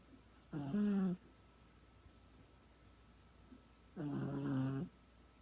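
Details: Snoring dog: two loud, buzzing, vibrating snores from a sleeping dog a few seconds apart, with quiet pauses between.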